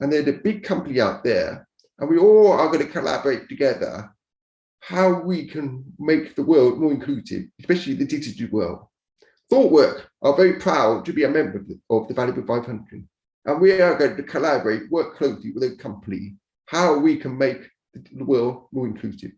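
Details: Deaf speech of a man born deaf who learned to speak rather than sign and now wears a cochlear implant after years of hearing aids; deaf speech.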